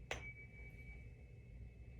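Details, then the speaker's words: Nursing head-to-toe assessment, Weber test: tuning fork struck and placed on top of patient's head; sharp strike then a steady, high, pure ringing tone fading slowly; patient hears it evenly in both ears. "Okay, I'm going to strike this and stick it on top of your head, and"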